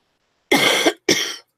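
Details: Two harsh, forceful cough bursts in quick succession from an adult with a cold and a runny nose, on the first day in nine days of illness that she feels better.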